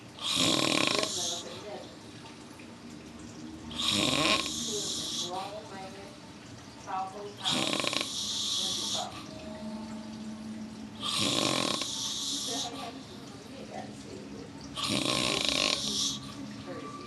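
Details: Snoring man: loud, rough, rattling snores on each in-breath, about five in 17 seconds (roughly 17 a minute), with quieter breathing between them.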